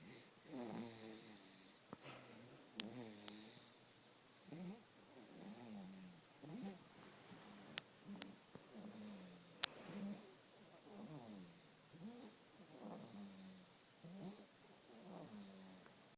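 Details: Girl snoring quietly and regularly, soft rattling breaths about every two seconds, with faint room noise and occasional clicks.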